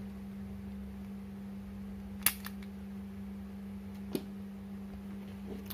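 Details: Two sharp plastic clicks over a faint steady hum as the lancing device of an EasyTouch GCU glucose, cholesterol and uric acid meter is handled and loaded with a lancet; lancing device click.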